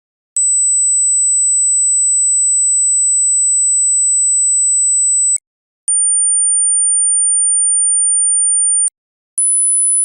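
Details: Sine-wave pure tones for a basic hearing check: pure, very high steady tones, each held several seconds with short silences, pitch stepping up; a hearing test tone sweep.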